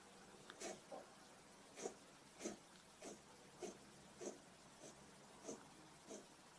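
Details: A cat gives a coughing fit of about ten short, dry, hacking bursts, evenly spaced about every half second. Cough.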